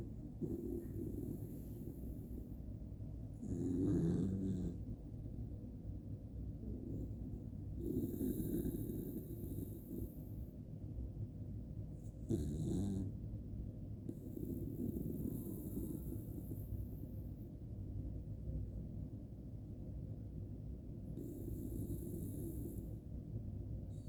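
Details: Snoring in a sleeping Jack Russell terrier: loud, low rumbling breaths repeating steadily.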